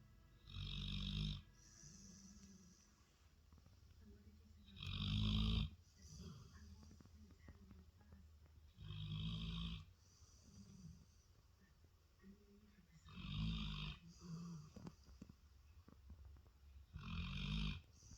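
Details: Labrador dog asleep on the couch, snoring: regular rattling snores about fourteen breaths a minute, with softer sounds between them.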